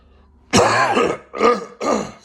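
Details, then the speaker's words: Three rough, throaty coughs in quick succession close to the microphone from an adult who is still sniffling at the start of a talk; ordinary cough. "I didn't want to do that I didn't want to cough at the start but I did so we'll continue"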